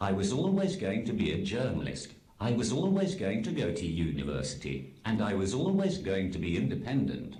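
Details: Text-to-speech communication aid used by an adult man; Synthesized speech from a speech-generating device.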